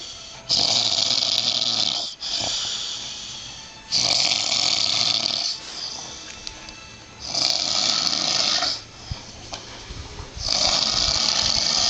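Loud, harsh, rasping snores on each breath in, about four breaths in twelve seconds, with quieter breaths out; heavy snoring during sleep.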